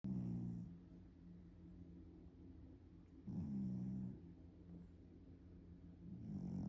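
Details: Sleeping cat snoring: slow, rumbling, fluttering breaths about 19 a minute, each inhale louder and rattly.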